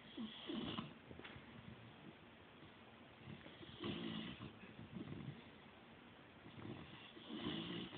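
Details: Snoring in a male pet sleeping in his feather ball bed: soft, irregular snuffling snores with light snorts, about 18 a minute, against quiet room noise.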